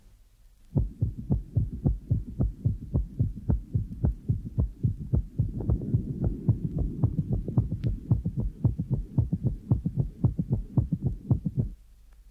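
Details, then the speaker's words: Right ventricular gallop with tachycardia: S1 is followed by a softer S2 and a gallop sound. After the patient breathes in, S1 and the gallop become markedly louder, typical of a right-sided third or fourth sound. "the patient will be heard to breathe in after which both the first heart sound and the gallop sound are markedly increased in intensity an increase in intensity after inspiration is typical of a third or fourth sound arising in the right"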